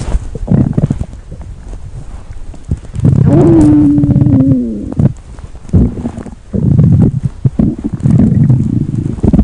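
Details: Low rumbling and gurgling with a drawn-out, squeaky growl in the middle: stomach growling.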